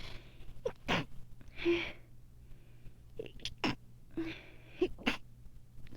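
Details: Repeated sharp, explosive sneezes with short in-breaths between, over a low room hum, in a person with allergies and a sinus infection, itchy watery eyes and a sensitive nose after dog sitting, dust and high pollen: sneezing.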